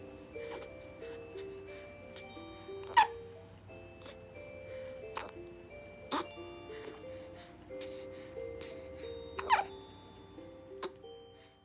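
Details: Newborn baby boy, aged 2 days to 1 month, with hiccups that won't stop: brief, sharp hiccups every few seconds over soft background music; hiccupped often before birth.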